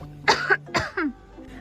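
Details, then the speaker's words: Acted cough in an advertisement, an adult portraying a two-week cough: three short, harsh cough bursts with faint background hum. "kenapa tuh Kak kok batuk-batuk Iya nih aku udah batuk 2 minggu"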